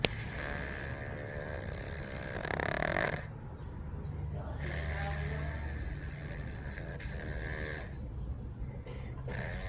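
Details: Loud, deep, rumbling snores in long drawn-out breaths from a sleeping cat; snoring.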